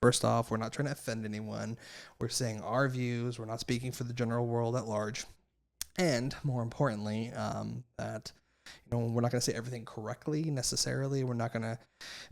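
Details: Adult man speaking; normal voice.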